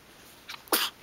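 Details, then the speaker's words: A brief intake then one sharp, hissing burst of air from a 2-day-old newborn who has hiccups; a single sneeze. "bless you i bless you huh you got to sneeze in the hiccups"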